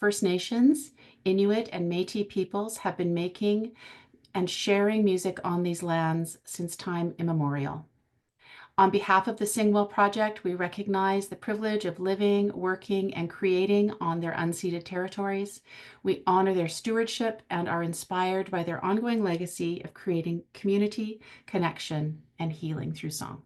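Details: Adult woman; ordinary speech.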